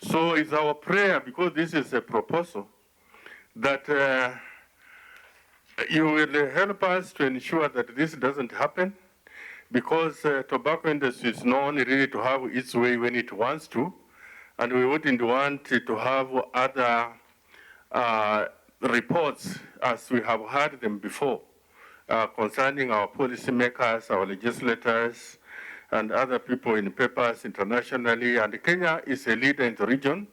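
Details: 69-year-old man, a throat cancer survivor after 25 years of cigarette smoking, whose voice was removed; he speaks with an electrolarynx held to the throat and cannot talk without it (electrolarynx speech).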